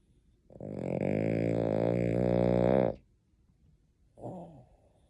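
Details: Sleeping dog gives a long, loud, rumbling vibration on the in-breath, then a softer, shorter snort; snoring.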